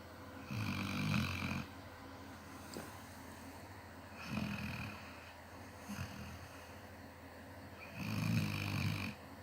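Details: Three low, rattling snores on inhalation a few seconds apart, with quiet breathing between, recorded in a small room; ordinary snoring.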